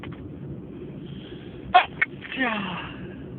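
Against a low room rumble, a sharp explosive burst, a smaller second burst, then a trailing voiced sound, fitting a sneeze.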